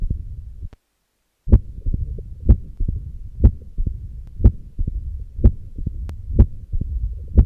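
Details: Mitral stenosis heard with the stethoscope bell, patient in left lateral position: heart sounds about 61 a minute, sharp loud first sounds, low-pitched rumbling mid-diastolic murmur with presystolic accentuation.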